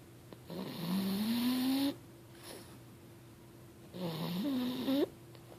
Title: snoring 6/25/2013